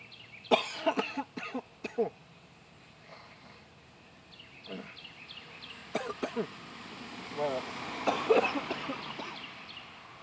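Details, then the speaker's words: Several loose, wet coughs and throat clearing in bursts, bringing up mucus, from an adult with a lingering cough and no fever or other illness, who feels something is going on with his lungs. "yep there's more what I tell you that there's more of that mucus right there"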